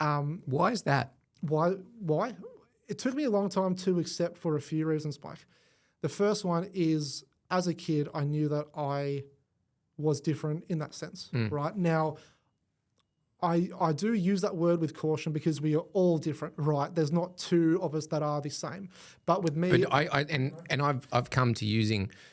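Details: Adult male with cerebral palsy affecting the left side of his body; stutter described as a symptom of it, first noticed around age five, gone for about a year then returned worse, treated with the McGuire Programme; stuttering.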